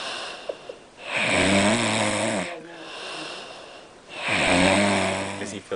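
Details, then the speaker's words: Two loud, rattling snores with raspy breathing between them, about three seconds apart; heavy snoring from a sleeper said to have been drinking. "Yes. Snoring hella loud."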